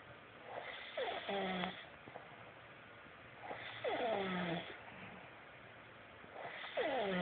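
Rattling snores with whistling, squeaky tones on each breath, about 20 breaths a minute; snoring.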